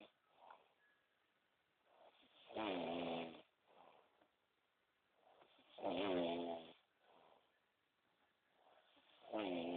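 Regular rumbling snores on the in-breath, about one every 3.5 seconds, roughly 17 breaths a minute, with soft out-breaths between; ordinary snoring.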